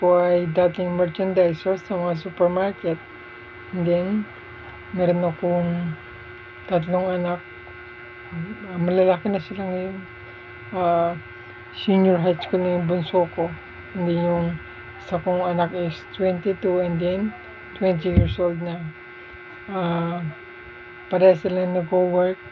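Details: Dysarthria in a 43-year-old man with motor neuron disease, voice changed by the disease, no longer able to sing; also has shortness of breath.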